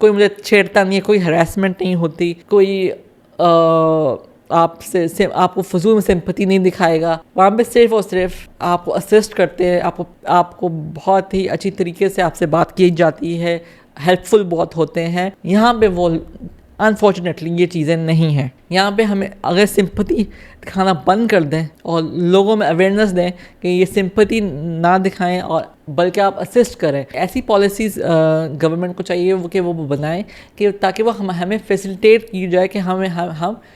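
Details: Stuttering in an adult woman with cerebral palsy from lack of oxygen at birth, right side affected, who has had speech therapy.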